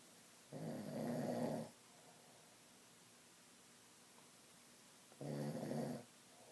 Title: Crazy snoring